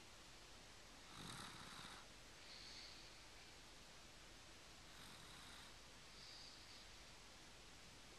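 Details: Snoring from a 26-month-old toddler.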